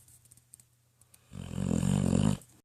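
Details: 10-year-old female pit bull asleep and dreaming in her bed: quiet room with faint soft clicks, then one rough, low, fluttering snore lasting about a second; snoring.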